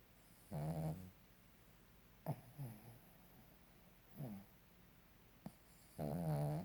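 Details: Sleeping dog snoring: slow, rumbling snores in a quiet room, several breaths apart, with softer snuffling between them.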